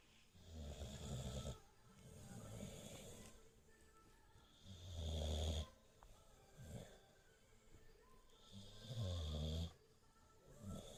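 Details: Snoring.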